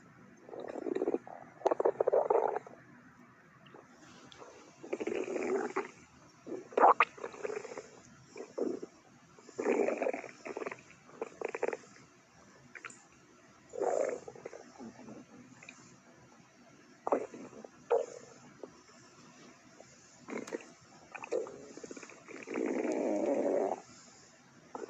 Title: Stomach Growling [REUPLOADED]